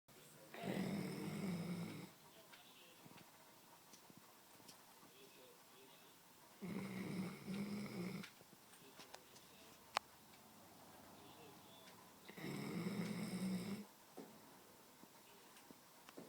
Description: My dog snores too much